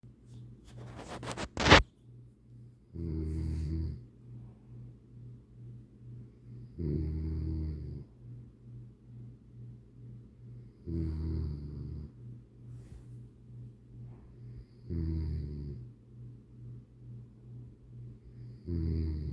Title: snoring 💏 😴 like a grisly bear 💤🛌